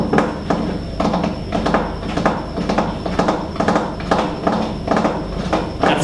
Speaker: we can often hear it as a gallop rhythm the gallery rhythm would go something like this